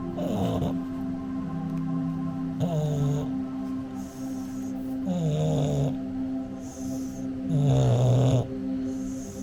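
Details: Bulldog falling asleep while listening to Reuben the Bulldog: loud, rattly snores about one every two and a half seconds, music in background; snoring.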